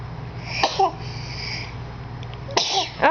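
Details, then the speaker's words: Young girl sneezing while she feeds her baby brother pretend food: two sharp, explosive sneezes, each after a quick intake, with a low room hum. "what is with you guys in your sneezes? Okay, feed him another bit of pretend food. Oh no, not another one."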